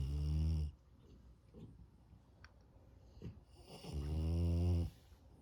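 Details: French Bulldog puppy snoring very loudly on an afternoon nap: two loud, low, rattling snores with quiet breathing between them.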